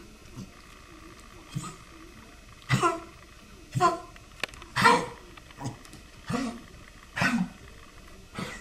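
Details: A dog (Ash) gives about eight short, harsh coughs spaced roughly a second apart over quiet room hum.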